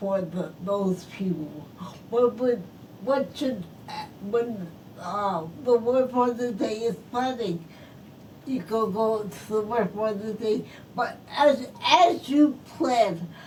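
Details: Post-stroke speech impairment in an adult woman who is a stroke survivor.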